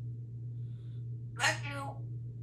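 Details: Female Congo African Grey parrot sneezes, a single sharp, noisy burst over a steady low room hum, then says "bless you"; sneeze.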